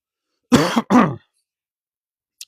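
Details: Adult with a really bad dry cough, outdoors: two short, voiced, throaty bursts, like a dry cough or throat clearing, with no wet rattle.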